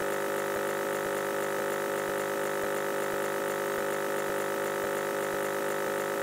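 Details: Nebulizer running: steady droning compressor hum with fast ticking, irregular pulses, presented as an experimental relaxing white-noise recording.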